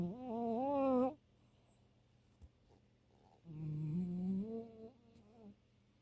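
Two drawn-out, tonal, purring-like snoring breaths separated by a quiet pause, from a sleeping cat.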